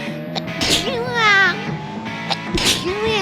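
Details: A woman's sneeze, described as cute, after she announces a sneeze is coming; whimpering sounds follow.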